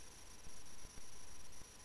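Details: Adult patient in a nursing-student cardiac exam demonstration, stethoscope at the fourth intercostal space, lower left sternal border (tricuspid area): soft low lub-dub thumps over steady hiss; normal S1 and S2.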